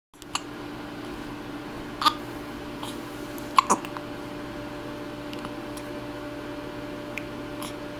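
A few sharp, brief gulping clicks at irregular intervals against steady room hum, fitting hiccups.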